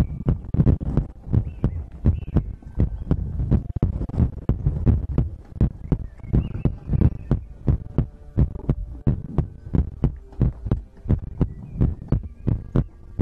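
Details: ASMR recording of the creator's own heartbeat with breathing, from a livestream compilation: regular low double thumps at roughly 85 to 90 beats a minute over faint hum and breath noise; normal heartbeat.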